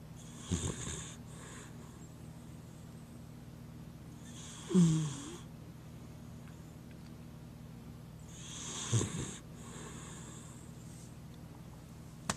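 Three rough, snorting breaths with a breathy hiss recur about every four seconds over a steady low hum: snoring during sleep.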